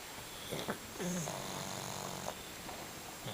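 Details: Sleeping small pet dog snoring: short snorting and whistling breath sounds over room noise.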